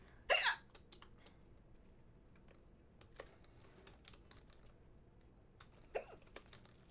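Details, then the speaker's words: Two sudden short hiccup throat catches about five seconds apart, over keyboard clicking, from a female streamer who got hiccups while gaming. "god damn it I hate getting hiccups where's my teammate"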